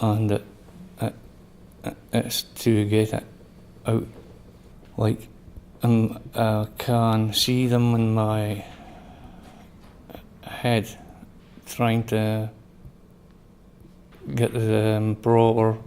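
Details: Member of an aphasia iPad support group describing their own aphasia, which the group links to stroke or brain injury; words are fragmented and hard to follow; aphasia.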